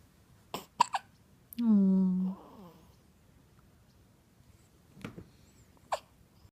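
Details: Awake, alert baby with recurring hiccups: short, sharp hiccup sounds with a brief fussy vocal sound between them.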